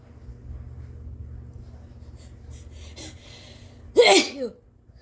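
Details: Induced sneeze from a person with a sensitive nose: brief quiet breaths, then a single loud, explosive sneeze with a short trailing voice.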